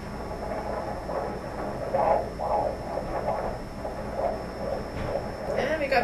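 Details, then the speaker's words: Fetal heartbeat picked up with a home fetal Doppler placed in gel on the pregnant belly near the pelvic bones: strong, rapid, rhythmic whooshing pulses around 135 beats a minute. "that's a strong signal right there"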